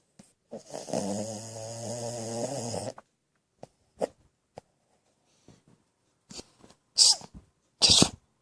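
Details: Shih Tzu poodle puppy asleep on the owner's arm, snoring loudly: one long, buzzing snore, then scattered snuffles and snorts.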